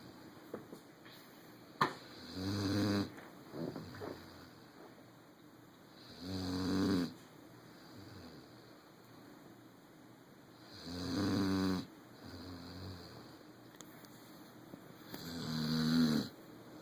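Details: Snoring right beside a brother's ear: regular rattling snores on each in-breath, about 13 a minute, with quieter out-breaths between them in a quiet room.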